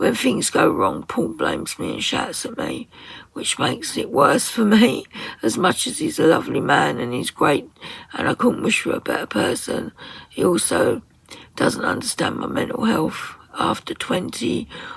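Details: Woman with very tight, stressed muscles around her vocal cords, voice sometimes distorted or hard to understand, attending speech therapy; muscle tension dysphonia.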